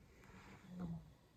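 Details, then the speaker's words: A pet sleeping calmly in a quiet room: a faint, low rumbling breath swells and fades, soft snoring during relaxed sleep. "He's actually snoring right now. Yeah. Pets are a good stress reliever too, so go give your pet a hug."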